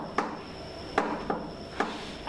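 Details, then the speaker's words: Tapped imitation of a gallop rhythm from a third heart sound, an extra diastolic sound after the second, in sharp uneven knocks; taught as possibly normal in young people and pregnancy, or a sign of a failing heart. "we can often hear it as a gallop rhythm the gallop rhythm which or something like this it could go"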